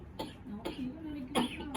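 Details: Adult with a cough that won't stop, pulling pain from the lower back to the belly, gives three short, harsh coughs in quick succession with faint voiced sounds between; persistent cough.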